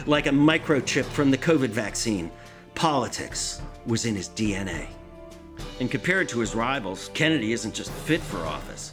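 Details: Adult male narrator; normal speech.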